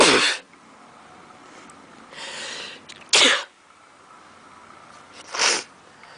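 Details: Repeated sneezing: three sharp, explosive bursts with a softer breath between them.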